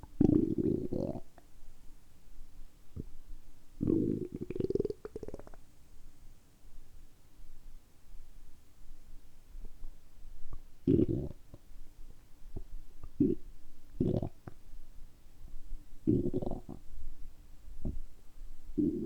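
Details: Stomach and bowel rumbles after a light fast of about 12–13 hours since dinner and then drinking carbonated water on an empty stomach: loud gurgling, bubbling bursts with quiet gaps, ordinary borborygmi.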